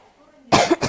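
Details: Cough during a bout of flu: two quick coughs with a harsh, wet quality.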